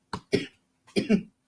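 Two pairs of short, fairly dry coughs, like clearing an irritated throat.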